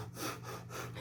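Two quick, forceful sniffs in a row, an imitation of a simple vocal tic of Tourette syndrome.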